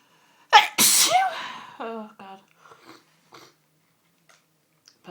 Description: captured some sunday evening sneeziness that has just overcome me in the last hour.....